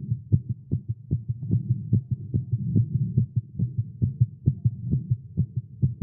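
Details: Male's rapid low thumping heartbeat at roughly 140 beats a minute, slightly uneven spacing, recorded live after exercising with caffeine; tagged irregular heartbeat; tachycardia.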